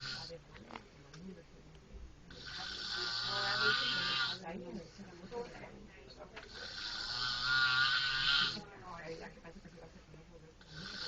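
Loud, rough, rattling snores on each breath in, about 14 breaths a minute, with quieter breathing out between them.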